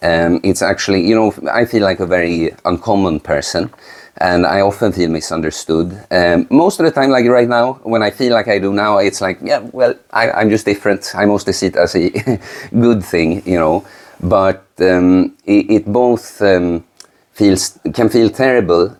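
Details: Adult man speaking; normal speech.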